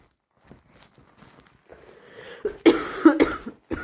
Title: Full of cold - Messy sneezes, gurgly nose blowing and coughing